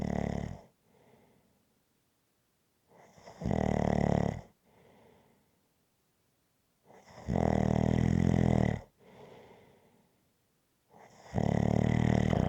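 Deep, loud, regular snores on each inhalation with a softer exhalation between, about 14 breaths a minute; steady rhythmic snoring.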